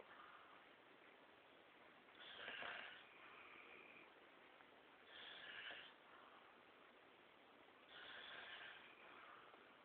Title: snoring duo